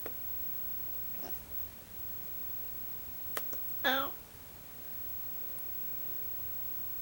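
A quiet room with one short, abrupt voiced catch after a few faint clicks, fitting a single hiccup.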